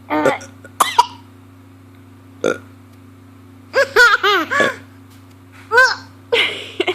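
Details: Burping contest that began with one person's burp, the other laughing and trying too: several loud, throaty, voiced deliberate burps in a row with short quiet gaps over a steady low hum.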